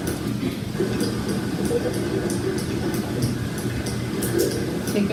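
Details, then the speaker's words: Sharp, crisp, steady ticking clicks like a watch over low room noise, heard at a distance without a stethoscope: mechanical heart valve clicks. "I have this little video because it's fairly neat when you do a distant area kind of sounds like a clipping of a watch"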